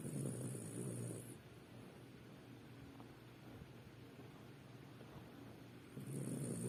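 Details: Sleeping dog: low, rumbling snore on the in-breath, fading between breaths; ordinary snoring.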